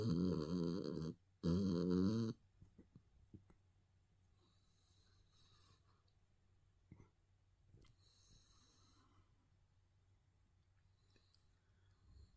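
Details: Puppy dreaming in sleep: two loud, rough snoring breaths, then quiet breathing with faint snuffles and small clicks. Snoring.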